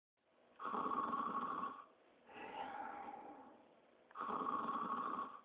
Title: Sonic The Hedgehog Snoring